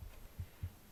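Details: Heartbeat recorded at the left side of the chest while the person reads aloud for ASMR relaxation: two soft, low thumps forming one lub-dub pair through faint hiss; heartbeat.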